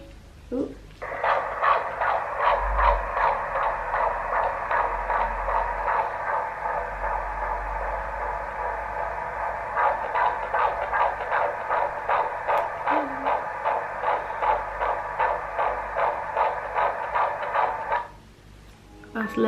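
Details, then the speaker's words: Rapid, regular whooshing fetal heartbeat, about 150 a minute, recorded at a private gender scan at about 17 weeks and played back through a heartbeat bear's small speaker: fetal heartbeat. "this has got dots heart beats in it which I'm going to play for you"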